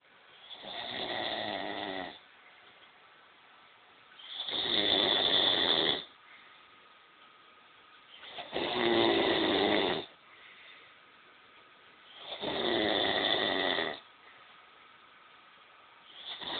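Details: Steady, rhythmic rattling snores on each breath in, about 15 a minute, with quiet gaps between; regular snoring.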